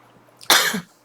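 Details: Middle-aged woman's dry cough: a single short, harsh cough with no rattle or wet sound in a quiet room, amid days of persistent coughing now improving.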